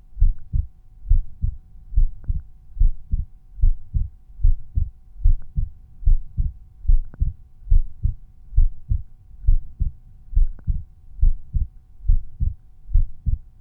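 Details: Resting heartbeat recorded at chest auscultation points (Erb's point, tricuspid, mitral, pulmonary, aortic), with volume normalized for each point; normal heart sounds.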